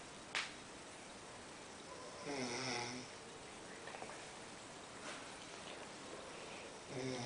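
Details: Nightly snoring: a couple of rough, fluttering snoring breaths with quieter breathing between, in a small room.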